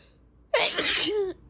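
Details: A single loud, forceful sneeze, a sudden explosive burst of air trailing into a voiced tail, with fan noise in the background.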